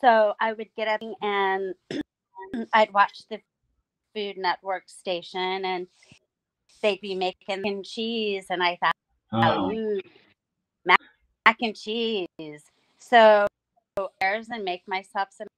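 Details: Aphasia in an adult female stroke survivor, about nine years after two hemorrhagic strokes caused by a carotid artery tear; she lost speech and relearned talking with a speech pathologist using singing.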